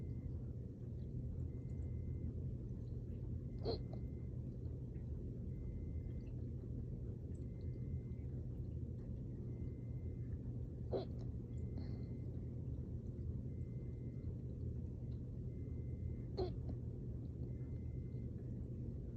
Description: Got hiccups after an intense workout. Drank my water too fast, burped a bit, trying to get all the gas out and then got hiccups.